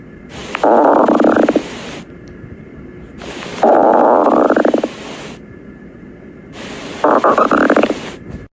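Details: Stomach growling (borborygmi): three separate bursts of low, bubbling gurgles, each about a second long, with quiet room noise between them.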